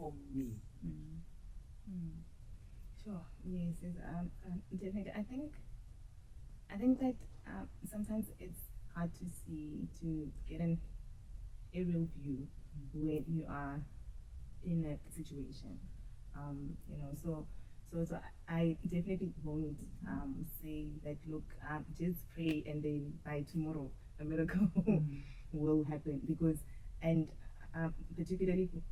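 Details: Adult woman who stutters, audible in her speech, and who used to struggle a lot with stuttering; stuttering.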